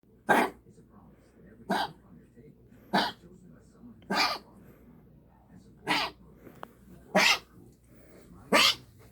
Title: hacking cough